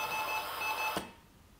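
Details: A steady high alarm tone that stops abruptly with a click: a MEDUMAT Easy CPR ventilator's airway-pressure-low alarm, triggered by disconnecting the test lung during a function check.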